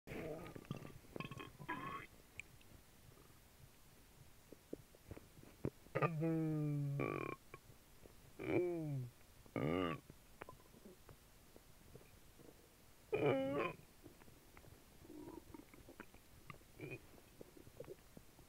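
Several gurgling, squeaky rumbles between quiet stretches, stomach churning heard from an upset stomach.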